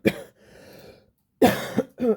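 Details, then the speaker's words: Adult woman coughing during a livestream chat, unsure why she has the cough, saying it sounds like she's been eating gravel: a short run of harsh, slightly rough coughs with a brief pause between bursts. "Excuse me. I'm so sorry. I don't know why I've got this cough. It sounds like I've been eating gravel."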